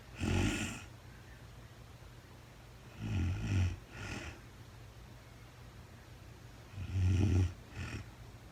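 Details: Real-time overnight sleep recording of a very tired woman, part of a four-hour recording: loud low rattling snores, often followed by a shorter second snore, about 16 per minute with uneven spacing; snoring during sleep.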